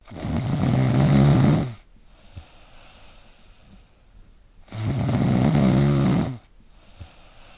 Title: snoring sleeping dog